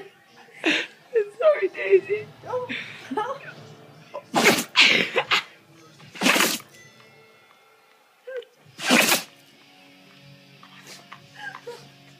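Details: Pet sneezing in a series of sharp, hissing bursts, with faint voices or music behind.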